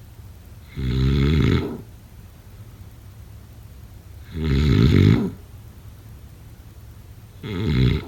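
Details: Three loud, rattling snores on inhaling, about 17 a minute, with quiet breathing pauses between them.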